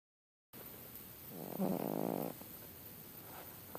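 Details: Sleeping cat: a single soft, fluttering snore against steady background hiss; snoring.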